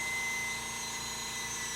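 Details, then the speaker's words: Steady high-pitched, thin, weak motor whine from a dental lab polisher on a foot pedal running at low power. "so all of a sudden I have no power you can see it's at 40 let's say"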